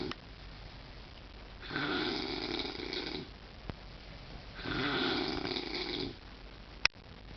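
Two long, harsh, rattling breaths about three seconds apart over quiet room noise. Snoring at roughly 20 breaths a minute.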